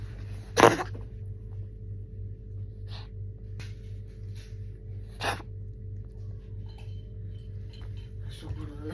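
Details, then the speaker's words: Pet cat with flu coughing repeatedly while its worried owner talks. "Detik-detik panik ketika Anabul batuk-batuk."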